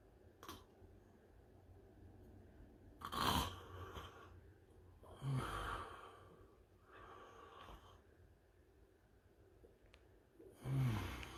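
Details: Man with sleep apnea snoring while a small chihuahua sleeps beside him.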